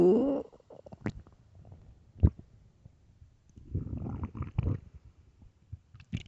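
A whining rising growl, then pops and a long rumbling gurgle: loud stomach growling from an empty, hungry stomach.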